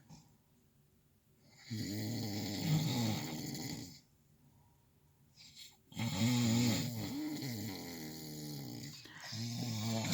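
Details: Nighttime snoring of a sleeping companion, recorded from inside a truck: loud, rattling snores on each in-breath, two to three seconds long, roughly four seconds apart with quiet pauses; snoring.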